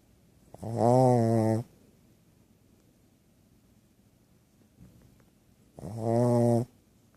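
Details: 2-year-old Shih Tzu sleeping, after surgery last year to open her nostrils: two loud, buzzing, droning snores about five seconds apart, roughly 12 breaths a minute, with quiet pauses; persistent snoring.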